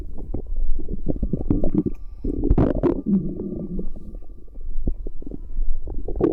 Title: I Recorded My Pregnant Wife's Stomach Noises